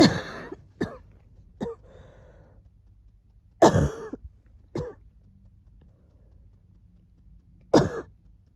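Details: Short, harsh cough bursts in three small clusters, about six in all, from ayu with a cold, recorded as the wheezing was settling; cough with a cold.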